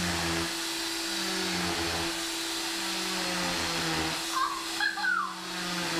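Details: Oscillating cast saw removing a child's final leg cast: a steady motor whine with a buzzing, vacuum-like drone and brief higher squeals as it cuts through the cast.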